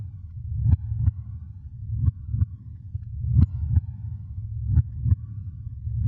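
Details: Produced creepy horror heartbeat sound effect, not a real recording: deep paired thumps of a slow heartbeat, about 44 beats a minute, over a low rumbling drone.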